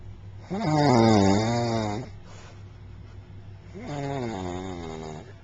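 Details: Two long, loud, groaning snores with a strong voiced, moaning tone, separated by a quiet gap, from a sleeper said to have had a long day; music before and after.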